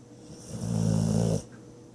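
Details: Pet asleep on the owner's leg, snoring: one low, rattling, fluttering snore lasting about a second during an in-breath. A single snore.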